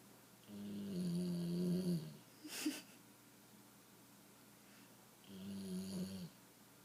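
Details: Rough, rhythmic snoring of a sleeping female puppy after a long day.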